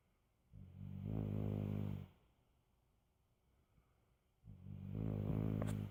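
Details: Snoring: two long, low, rattling snores about four seconds apart, each a buzzing vibration on the in-breath, with quiet in between.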